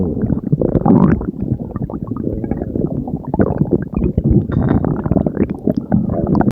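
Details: Stomach growling (borborygmi): continuous loud, low rumbling and gurgling from the abdomen; a normal bowel sound.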